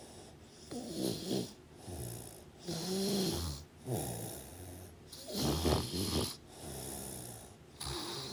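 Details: Steady snoring: repeated low, rattling rumbles rising and falling with each breath in and out, separated by brief quiet gaps.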